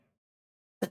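Two brief, sharp, slightly voiced cough bursts from an infant in quick succession, with a short gap between them: a staccato cough.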